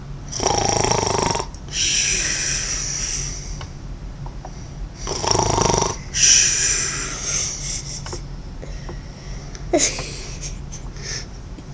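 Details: Adult woman (mom) asleep snoring: irregular rough snores and snorting breaths with hissy airflow over steady room hum.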